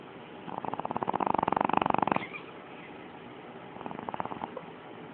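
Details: Puppy snoring very loudly during a midday nap: two fluttering, rattly snore bursts, one long and one shorter, over faint room noise.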